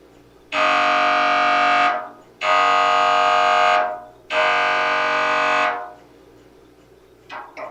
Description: Sample sounds of an MRI for anyone interested in knowing what to expect in order to feel better prepared.